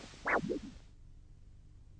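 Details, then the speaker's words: Normal triphasic arterial Doppler signal from the foot during a diabetic-foot study with a Huntleigh Dopplex handheld Doppler, probe facing the heart: a pulsatile whoosh with a strong first swish and two fainter swishes, as in a normal healthy person. "you'll notice that it has a typical phasic characteristic now in a normal healthy person the arterial signal is said to be Tri or basic which means it has either three distinct beats or two distinct beats"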